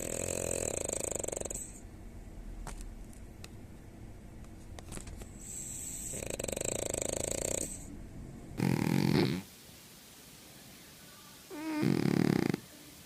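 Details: Sleeping small flat-faced dogs: repeated loud, rattling, wheezy snores over several breaths; dog snoring.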